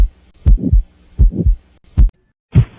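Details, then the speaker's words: Low heart sounds, each followed by a soft rushing whoosh, about 80 beats a minute: a heart murmur through a stethoscope, noisy sound from blood flowing across heart valves or vessels. "심 잡음은 심장이 몸이나 폐로 혈액을 짜내는 펌프 로써의 역할을 하거나 혈액이 심장에 채워질 때 나는 소리로 혈류가 심장 판막 이나 혈관을 지나갈 때 유독 소란스러운 소리가 나서 정쟁 귀로 들리는 소리를 심 잡으로 뭐 뭐라고 합니다"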